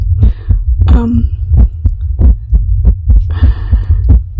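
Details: Woman's self-described anxious, irregular heartbeat recorded during heartbeat ASMR while reading ghost stories: muffled heart thumps about 90 a minute with uneven spacing, soft speech over them.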